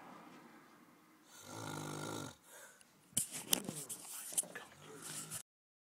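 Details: Adult man snoring loudly in a bunkhouse during a dive trip, keeping others awake: one low, buzzing snore on a breath, followed by clicking and shuffling in a quiet room.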